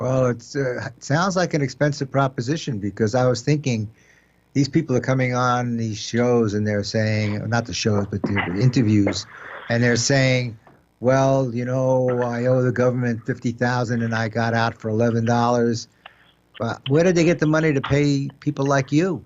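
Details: Adult male speaker, radio broadcast; normal voice.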